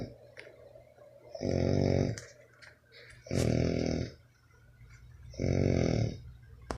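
Three loud, rumbling, vibrating breaths about two seconds apart, separated by quieter exhalations; snoring.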